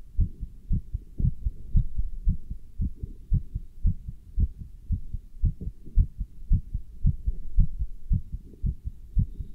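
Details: Person wearing a stethoscope and chest band while standing still and lifting dumbbells: regular low heartbeat thumps at about 113 per minute; fast normal heartbeat during exertion.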